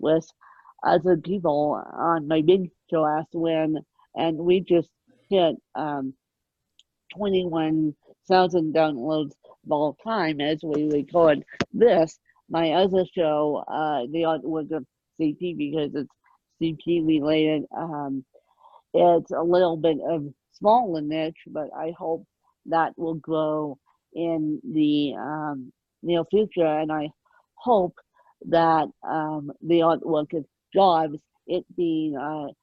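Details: Adult woman with moderate ataxic cerebral palsy present since birth, attributed to lack of oxygen at birth; dysarthric speech in ataxic cerebral palsy.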